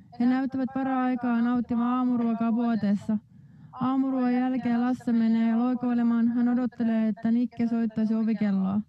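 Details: Woman a few months after left vocal fold paralysis, fold fixed about 1 mm from midline, recorded before injection augmentation; maladaptive compensation gives very high pitch, which fell after injection; high-pitched compensatory voice (unilateral vocal fold paralysis).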